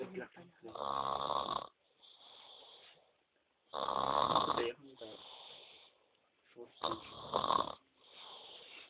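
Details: Loud rattling snores on each in-breath and quieter hissing out-breaths, about three breaths in nine seconds, from a sleeping adult male while others are sleeping nearby; ordinary adult snoring.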